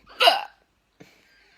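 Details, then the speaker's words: Girl with hiccups for about six minutes, possibly after inhaling a small cake: a single sharp, high-pitched squeaky hiccup with a sudden voiced catch, then a faint breath. "i've had hiccups for like six minutes now i sound like um a pig squealing"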